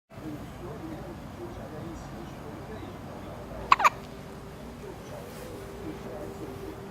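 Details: A baby gives two quick, sharp gulping sounds close together against quiet room noise. Hiccups.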